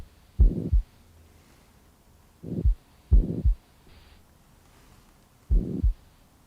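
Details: Heart murmur heard on chest auscultation while the neck pulse is felt, with the patient sitting forward, then rolled onto the left side, breathing deeply and holding the breath.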